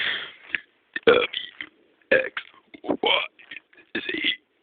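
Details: A person deliberately burps the alphabet: a run of short, voiced belches shaped into letter sounds.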